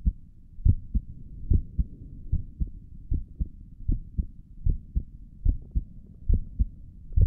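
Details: Own heartbeat recorded through a stethoscope on the chest for relaxing ASMR: steady paired lub-dub thumps at about 70 beats a minute; normal heart sounds.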